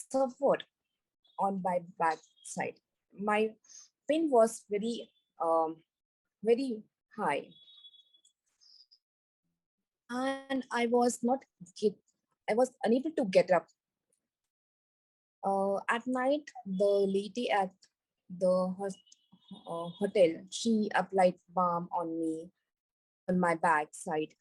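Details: Woman with global aphasia after a stroke during an Everest base camp trek about four years earlier, initially unable to speak, read, write or spell; recovering after speech therapy; aphasia (recovering, after stroke).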